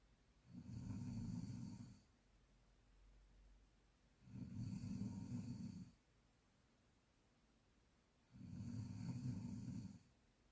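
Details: Snoring: three low, rumbling snores on inhalation, about four seconds apart, with quiet breathing between them.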